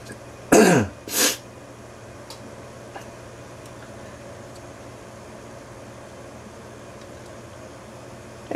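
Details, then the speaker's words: Two quick, harsh throat-clearing coughs from an adult with a cold, then quiet room noise. "sorry folks I have a cold so you'll hear me snuffling and coughing and clearing my throat"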